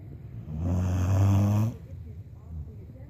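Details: A dog asleep on a bed, snoring with its eyes open: one long, deep, rumbling snore lasting about a second, then quieter breathing.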